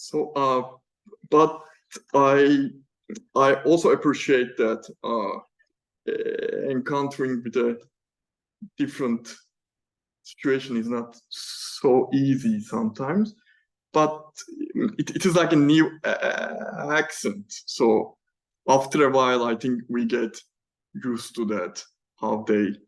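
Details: Adult man who has stammered (moderate to strong), answering an unscripted question without the recorded-voice choral method he developed to speak fluently; stammering (stuttering).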